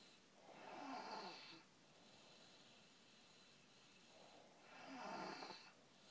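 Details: Snoring: two soft, rough in-breath snores about four seconds apart, roughly 15 breaths a minute, in a quiet room.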